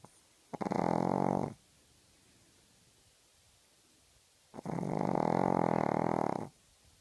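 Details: Dog snoring in a small quiet room: two long, rattling, buzzy breath sounds separated by a quiet pause.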